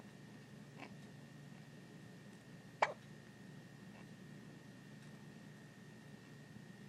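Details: Baby boy on his birthday, held by his aunt, gets hiccups: a single sharp hiccup against quiet room noise with two or three fainter ones nearby.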